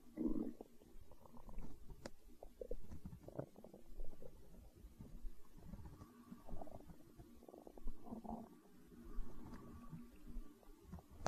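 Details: Stomach growling (borborygmi): low, irregular gurgling and rumbling from the belly throughout, as with hunger.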